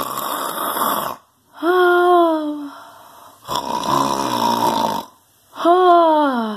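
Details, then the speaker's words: Man asleep: loud, drawn-out vibrating snores with pitch sweeps, separated by brief silences; heavy snoring. "guys, I'm sorry you had to hear that. Christopher does snore loud."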